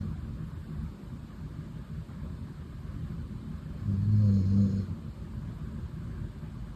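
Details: Female pet dog asleep, snuggled on owner's lap, snoring: low rumbling breaths with one louder snore near the middle, over steady room noise.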